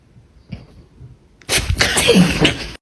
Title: Dog sneezes 🐕🦴#funny #dog #cat #videos #catsoftiktok #fyp #foryou #pet #petsoftiktok #puppy #duet